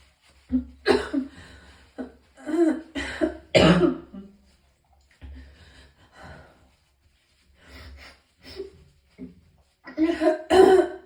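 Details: Painful coughing: about a dozen harsh coughs in bursts with throat clearing and retching-like strain between; the person was in extreme pain and vomited several times.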